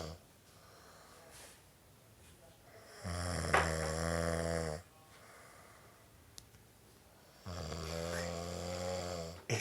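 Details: Loud, low, rattling snores like a saw with quiet breaths between, nasal resonance during sleep, in a humorous mock documentary: habitual snoring.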